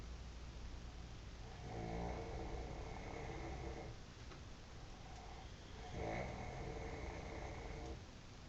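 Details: Two long, buzzing inspiratory snores several seconds apart against steady room hum; an adult man snoring in sleep in a hotel at 4:50 a.m.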